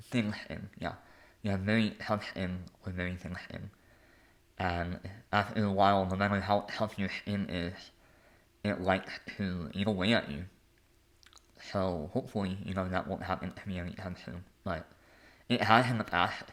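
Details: Adult male with a lifelong speech impediment.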